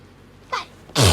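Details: Allergic sneezing from hay fever that has been bad this week: a quick intake of breath, then one loud, explosive sneeze in a quiet room.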